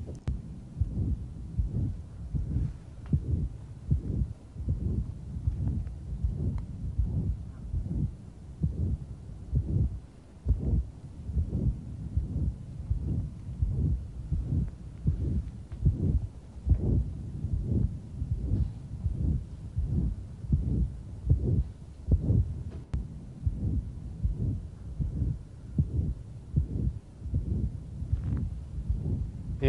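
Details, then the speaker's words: Pulmonary ejection sound with pulmonary stenosis in a male patient; loud harsh systolic murmur about 77/min opening with a sharp ejection click on expiration that disappears on inspiration, murmur then gradually beginning. "when he's exhaled the murmur is going to start with almost pow pow when he inhales the murmur just kind of groans into existence starts with a pal the PAL goes away"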